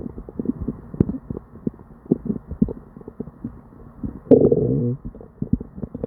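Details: Person with diarrhea and an upset stomach: frequent gurgles and pops with a longer rumbling gurgle midway, giving non-stop, busy hyperactive bowel sounds.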